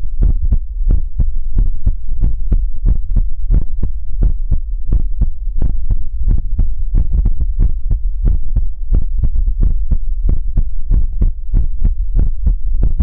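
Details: ASMR relaxation livestream heartbeat sound: steady low thumping heartbeat at about 100 beats a minute with a faint steady hum behind it.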